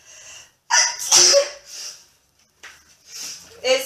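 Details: Woman sneezing from apparent allergies while presenting products, saying her voice is getting nasal: a quick in-breath, then a sharp, explosive sneeze and a softer second burst; sneezing.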